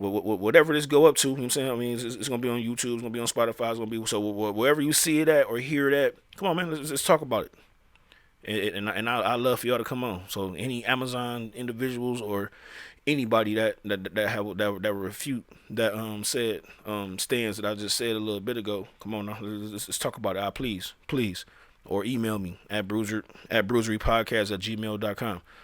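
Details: Male speaker who says he stutters, speaking with repeated phrases; stuttering.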